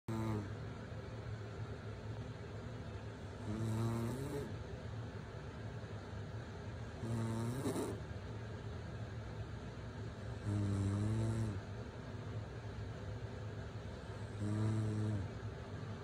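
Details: Mother snoring while her baby sleeps through it: regular low, buzzing snores about every four seconds, roughly 16 per minute, over a steady background hum.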